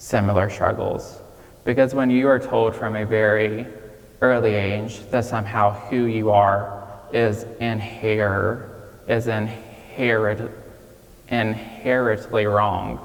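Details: 26-year-old man with childhood apraxia of speech, nonspeaking until age 5 and diagnosed at age 5; he says it may take him a moment to say what he wants to say; childhood apraxia of speech.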